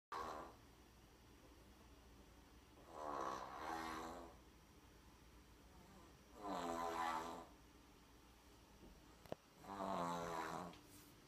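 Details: Snoring while sick: four snorting, fluttering, pig-like snores at roughly 18 breaths a minute, with quiet pauses between, during sleep.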